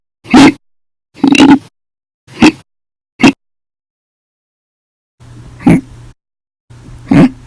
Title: 8/1/19 to 8/31/19, Violent, Bad Loud, Silent, Minute, Second Hiccups Audio Only Part 1